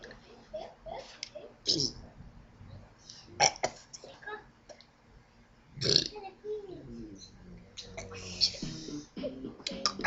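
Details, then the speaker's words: Deliberate voluntary burping shaped into the letters of the alphabet (burp ABCs): a string of loud belches with short pauses between. "Now I will do Burp ABCs. Burp ABCs. How exciting is that? Burp ABC."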